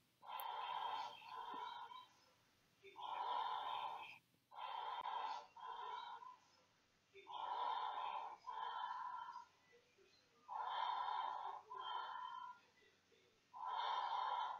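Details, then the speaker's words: Breath sounds of a NICU newborn picked up by microphones in an endotracheal tube monitoring system: regular hollow, whooshing breaths, each with an in-and-out phase; breath sounds via endotracheal tube. "and also because we have the microphones you can hear the breast sounds of the patient"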